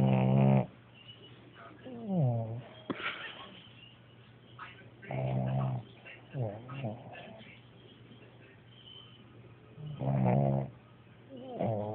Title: Smoo snoring